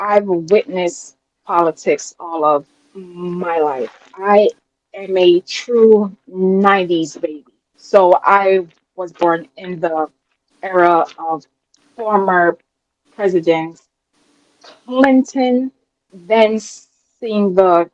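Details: Adult woman with a self-reported speech impediment she calls a "quote unquote disability" and says listeners can hear; disfluent speech; speech impediment.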